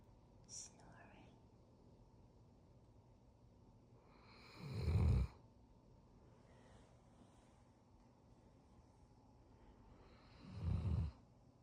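Two deep, rumbling inhaled snores about six seconds apart, roughly ten a minute, in a quiet room; ordinary sleep snoring.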